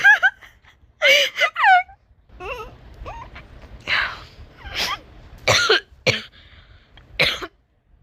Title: Laughing ALOT + some cough + some clearing throats